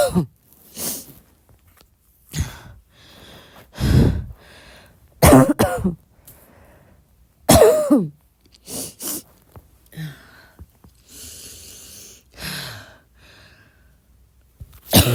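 Series of about ten soft coughs and throat clearings with breaths between, in a quiet room; mild repeated cough.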